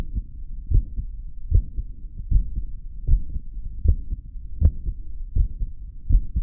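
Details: Steady, low lub-dub heart sounds at about 78 beats a minute with a regular rhythm, recorded after caffeine.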